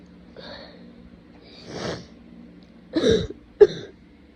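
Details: Lots of sneezing with very snotty sniffling: several sharp, wet sniffs and short sneeze-like bursts separated by quiet pauses, fitting a congested nose; sneezing and sniffling.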